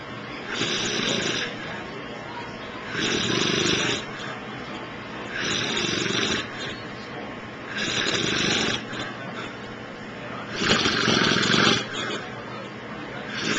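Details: Man snoring after a long day: loud, rough, raspy snores at about 20 breaths a minute over steady room noise.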